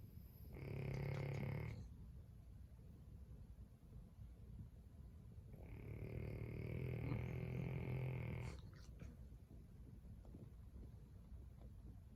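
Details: Deep, low, rumbling snores on two long breaths in from a sleeping French Bulldog, a flat-faced dog, with steady background hiss; snoring.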